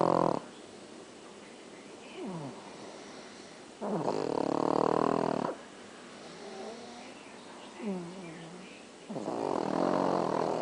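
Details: Rough, fluttering noises on breathing, with quieter breaths in between, about three cycles in ten seconds: snoring from Beemer.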